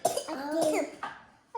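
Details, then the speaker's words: Toddler triplets deliberately coughing as a game: a few short, deliberate coughs with giggling between them; voluntary cough. "You're going to make yourself throw up. Stop coughing. Making yourself cough, okay?"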